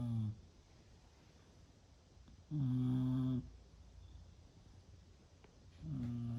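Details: Snoring of a sleeping female who did not wake even after a sneeze: low, droning snores about every three seconds with quiet breathing between; ordinary snoring during sleep.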